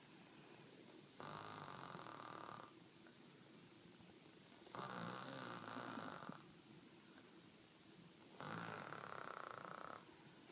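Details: Person asleep snoring: three long, rough, rattling snores at about 14 breaths a minute with quiet gaps between.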